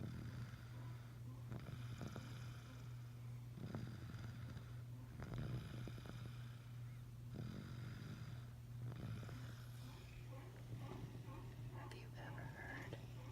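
Soft, regular rasping breaths, about six cycles in 13 seconds, over a steady low hum. Quiet snoring.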